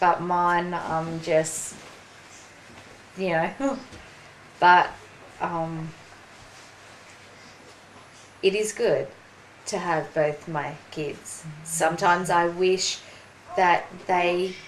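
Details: Aphasia in a 43-year-old woman after a ruptured brain aneurysm and stroke 4.5 years earlier; slower speech and word-finding difficulty; aphasia.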